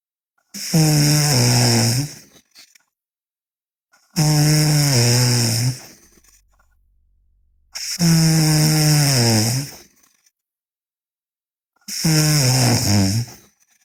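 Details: Loud, long rattling snores on each breath in, about four in 14 seconds with quiet pauses between, from a sleeping girl; heavy snoring.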